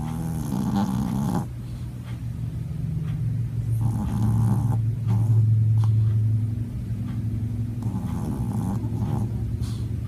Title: Snoring dog